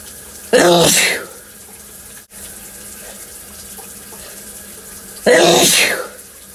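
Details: Two loud, sharp adult sneezes several seconds apart, each beginning as a stifled sneeze and turning into a big, sudden, forceful burst of air, with steady running water in the background.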